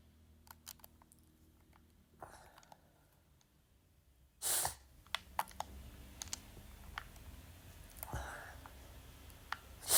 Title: sneezing (m)